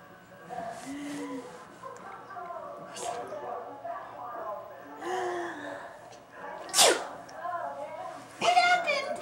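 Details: Two sharp sneeze bursts, described as fake sneezing done for fun, amid soft background talk and music; sneezing.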